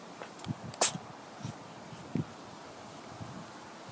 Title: Kitty Sneeze